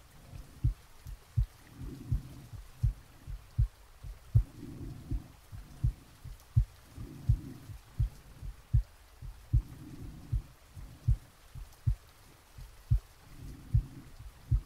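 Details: Real heartbeat and breathing recorded from an adult's chest while sleeping, with soft rain added: steady soft thumping about 80 beats a minute with slow breath sounds; normal heart sounds.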